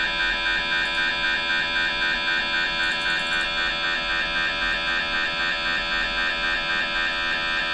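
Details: Brain MRI recorded inside the scan room: loud steady buzzing hum with fast regular pulsing tones, about 230 a minute, normal MRI scanner running noise.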